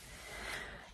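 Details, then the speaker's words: Sleeping dog after two wet walks, heavy snoring: a single rough, breathy snort-like breath. "I don't know if I'm pointing in the right direction patties over there so heavy Zeds if you can hear snoring L next to"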